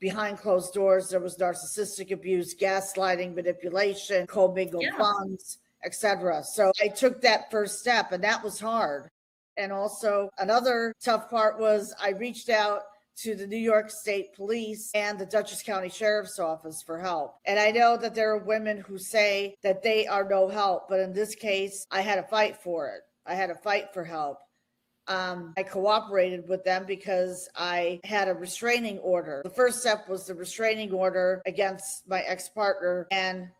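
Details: Adult woman speaking; normal speech.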